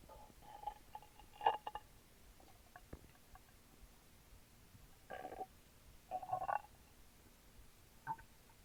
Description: I drank a small can of Sprite while recording my stomach and it caused quite a ruckus. You can hear it fizzing down as I drink.